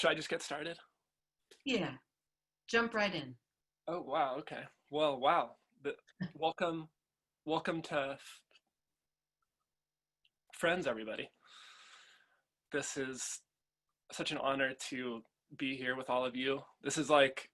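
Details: Adult father who stutters and chooses to stutter openly, speaking at a stuttering association convention; stuttering.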